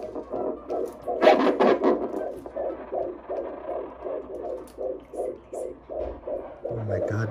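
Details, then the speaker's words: Doctor's prenatal visit: rapid, regular whooshing pulses on Doppler ultrasound at about 150 to 160 a minute from the fetal heartbeat, with brief voices and room noise. "my god, that's the heartbeat."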